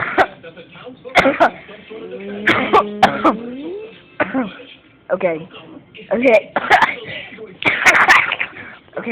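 An adult gives a series of short, harsh coughs and throat clears with some voiced sounds between them.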